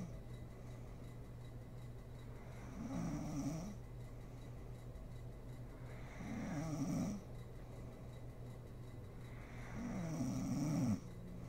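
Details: Adult woman (mother) asleep, recorded for ASMR: three low, rattling snores on inhalation, about 16 breaths a minute, over steady room hum; ordinary sleep snoring.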